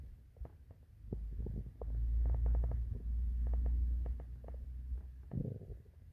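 Low, drawn-out rumbling with scattered gurgles and pops, typical hunger stomach growling, a normal sound of gut movement.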